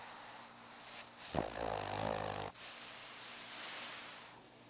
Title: Ginger snoring